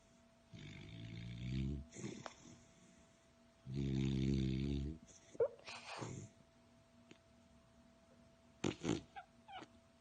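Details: Sleeping beagle (female) gives two long, low, rumbling human-like snores, each about a second, with quiet breathing and small snuffles between; snoring.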